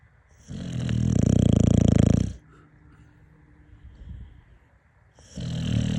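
Loud, rattling snores with a vibrating flutter on each breath in, separated by quiet pauses; heavy snoring during sleep.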